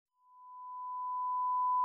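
A steady pure high-pitched tone that slowly grows louder, a simulation of the ringing heard in tinnitus.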